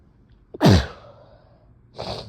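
A single forceful, wet sneeze with a sharp onset and a trailing spray, followed by a softer breath.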